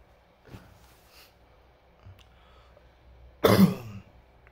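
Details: A single harsh dry cough after quiet breathing in a small room, at night around 3:37 am. The person, noted as a 'GGK' child, sits up unable to sleep with ongoing cough and runny nose, after taking medicine.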